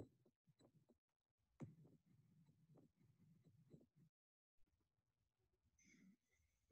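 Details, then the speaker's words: Sharp mid-systolic click followed by a late systolic murmur, heard standing then squatting; with squatting, the click and murmur occur later in systole and move away from S1. "With squatting, venous return increases, causing an increase in left ventricular chamber size. The click and murmur occur later in systole and move away from S1."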